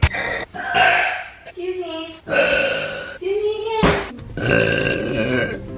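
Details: Woman's compilation of relieving deep burps: several long, deep, voiced belches in a row, loud and drawn out, with brief pauses between them.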